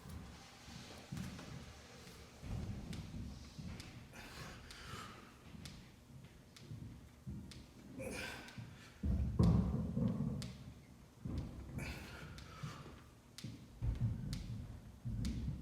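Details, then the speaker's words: Sharp, irregular clicks and dull thuds from a nagging injured left shoulder during a pressing exercise with weights: shoulder clicking. "you're actually going to hear my left shoulder clicking so yeah I'm going to stop talking for a"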